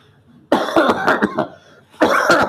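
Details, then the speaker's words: Adult man acting a comedy scene with a cough that won't go away: several harsh, rough coughs, a brief pause, then another burst of coughing. "अरे भाई खांसी नहीं जा रही मेरी।"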